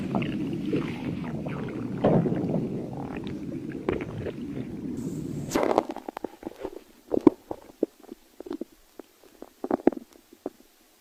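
A continuous low gurgling rumble gives way to scattered bubbling pops and squelches: stomach growling, or borborygmi.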